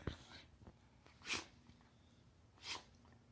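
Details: Two short, sharp sneezes about a second apart with faint snuffling between; a female animal whose face on the wind-up to the sneeze looks just like a human's.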